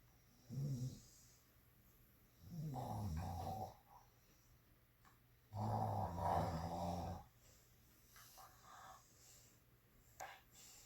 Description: Here is the video of my dog snoring. I bet this is the loudest snoring dog you ever heard.